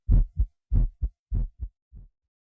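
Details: A man's own heartbeat, recorded by a doctor, digitally processed on a Synclavier system and used in the Smooth Criminal intro: deep paired thumps, four pairs in about two seconds, fast, heavily enhanced, fading on the last beat.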